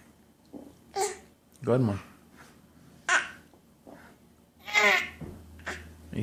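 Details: Toddler playfully imitating her father's coughing: four short, breathy cough-like bursts, some voiced; a pretend, voluntary cough with no sign of distress.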